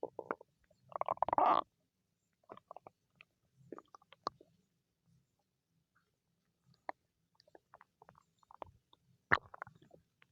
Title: Stomach growling~ for you♥